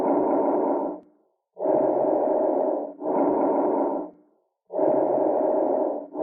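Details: Lung auscultation: soft, even breath sounds with inspiration and expiration of similar length, about 20 breaths a minute. These are normal bronchovesicular breath sounds.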